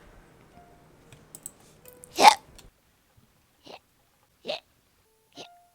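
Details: Four short, sharp hiccup sounds at irregular intervals, the first loudest, with faint room noise; ordinary hiccups from a streamer.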